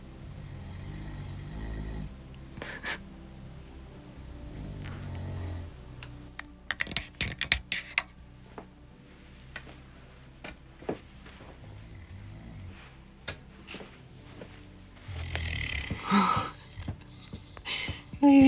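Low, rumbling snore bursts from a sleeping dog, mixed with sharp mechanical clicking in a small room.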